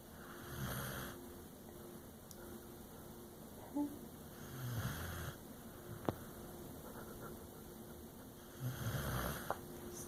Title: Dog snoring